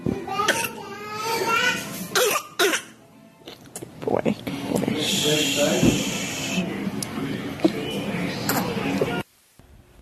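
An infant's repeated coughing bursts and strained breaths over background music, fitting whooping cough.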